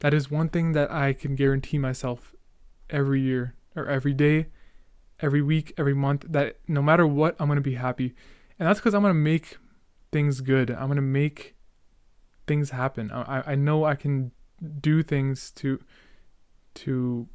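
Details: Male podcast host who stutters and remarks he is stuttering a lot, with part-word and whole-word repetitions: stuttering.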